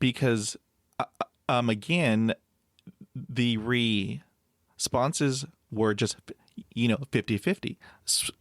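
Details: Adult male with overt stuttering who blocks on everything, then breathes and moves on; stutters even when alone, had about 20 years of speech therapy, and 'p' sounds once came out like a kiss; stuttering.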